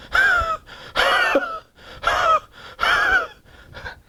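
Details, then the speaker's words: Adult imitates the dry cough of the homeopathic remedy Spongia, four harsh, rasping bursts like a saw driven through a pine board, with quieter in-breaths between. "So the cough of Spongia is like a saw being driven through a pine board. So the sound which you get when the saw is driven through a pine board, it's absolutely devoid of any moisture. So it's absolutely dry."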